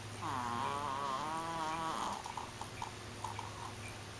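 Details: Mickey, a dog sleeping in his new bed: one drawn-out, whistling, buzzy in-breath snore, then soft fluttering puffs, over a steady background hum; snoring.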